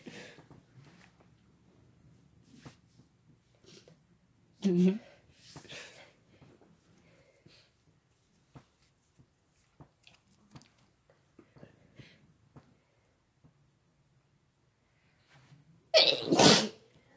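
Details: Sneezing compilation with female and male voices: quiet room with soft movement, then two loud, abrupt sneezes, the second long and explosive.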